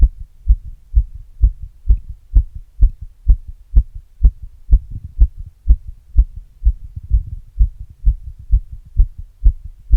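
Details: Own heart recorded with an earbud mic and a glass after exercise: regular, fast low heartbeat thumps at about 128 beats a minute, normal heart sounds.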